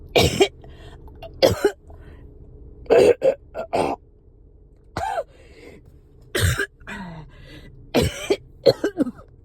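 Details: Coughing fit while riding in car with phlegm stuck: repeated harsh cough bursts, about ten in nine seconds, some throat clearing, over steady car hum; productive cough.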